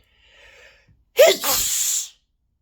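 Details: Faint sniff, then a single sharp, hissing sneeze from a small animal described as a piggy: sneeze.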